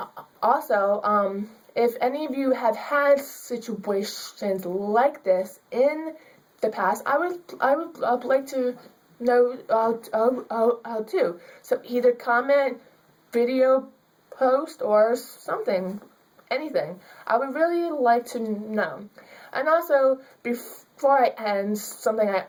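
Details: Female student with stuttering.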